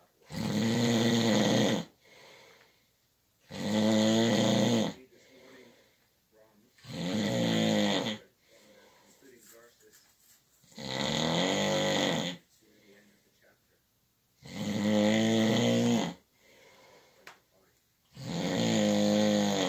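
Loud, rattling inspiratory snores about every three and a half seconds, roughly 17 breaths a minute, with quiet exhalations between; snoring.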